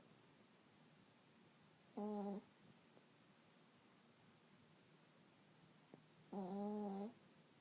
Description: Deep sleep, snoring pekingnese, little dreamer, sweet dreams, small dog snores loud, my adorable dog sleeps while I watch the WARRIORS whooop the kings aka "Queens"!!